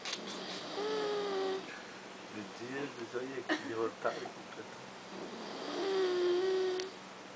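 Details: Man snoring loudly, likened to a pig: two long, drawn-out tonal snoring breaths with quieter rough breathing between them, in a small room.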